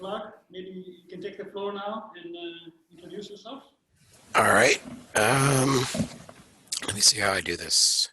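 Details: Adult male speaker, with a quieter voice before him; Normal voice.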